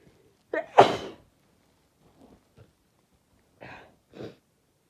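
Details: A female sneezing: a single sharp sneeze with a brief in-breath before it, then quiet breathing and a couple of soft sounds.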